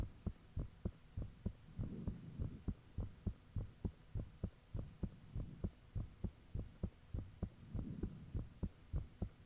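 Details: Own heartbeat recorded with the fan off, shortly after it became unusually thumpy: strong, regular low thumps at about 100 a minute with a steady faint high whine in the background; heartbeat.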